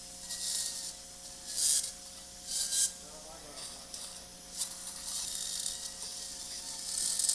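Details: High-speed surgical drill on the lamina during live cervical spine surgery on a woman with multilevel C3–C7 disc herniations, severe stenosis and spinal cord compression, with irrigation: bursts of high-pitched hissing, grinding noise with room hum between.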